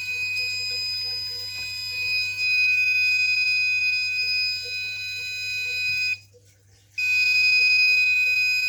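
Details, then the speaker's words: Prototype Arduino IV infusion alarm linked to Visual Basic 6, load removed: steady high-pitched continuous buzzer tone signalling the fluid bag must be replaced. "Oke, di sini di VB-nya tampil ganti cairan. Terus di ini juga ganti cairan."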